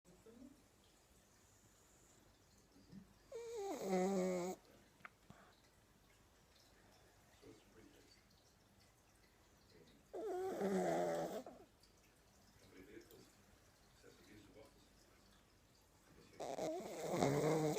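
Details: Loud, rough snoring from a sleeping pug in a comfy position, about 9 snores per minute with quiet breathing between; snoring.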